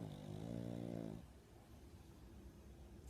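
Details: Pug, a brachycephalic dog, asleep against owner's face gives a loud, low, fluttering snore on one breath, then quieter breathing noise.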